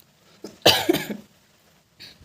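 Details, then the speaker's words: Adult woman unwell with cough and hoarse, failing voice during rainy weather: a single forceful, somewhat harsh cough in a quiet room, faint breath before and after; cough. "दोस्तों बारिश में कहीं जाना नहीं होता और मुझे खांसी लगी हुई है।"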